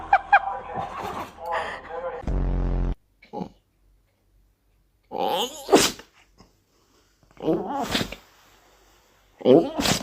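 Several short, sharp sneezes from a dog, separated by pauses, with a buzzy snort in between.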